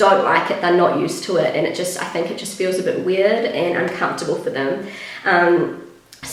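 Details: Pregnant woman with a habitually croaky, crackly voice that she says worsens whenever she is pregnant, blaming the pregnancy; she is also slightly out of breath; vocal fry (creaky voice).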